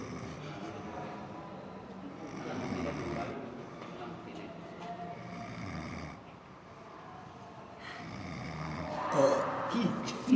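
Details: Loud rumbling snores with long drawn, tonal breaths and a snort near the end, shared as a funny clip; heavy snoring.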